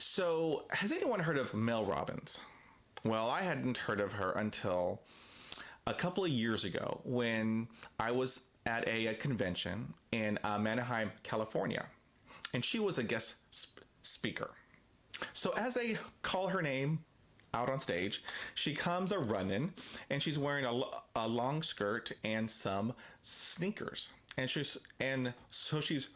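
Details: Stuttering in an adult man with daily fluency struggles who uses a self-help book to cope with his stutter.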